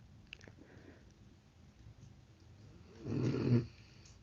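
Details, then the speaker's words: A sleeping rescue dog gives one loud, low, rumbling snore in an otherwise quiet room. "I was trying to be quiet there for a second so you can hear Bruno snore, hopefully."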